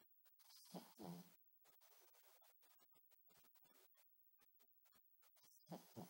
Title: Pug snoring